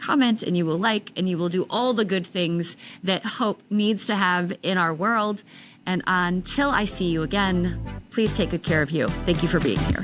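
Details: Adult woman about 3 years after stage 4 tongue cancer treatment: over half of tongue removed and rebuilt with forearm skin graft, neck dissection, 6 weeks of radiation and chemotherapy; altered speech since treatment, sometimes not understood by strangers; articulation changes after partial glossectomy.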